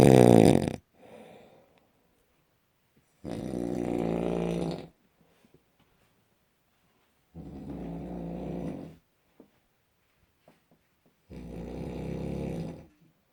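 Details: Loud, rough, rattling snores on each breath, about one every four seconds, with quiet pauses between; severe snoring.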